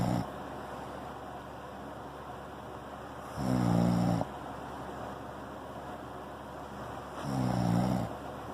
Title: Soft snore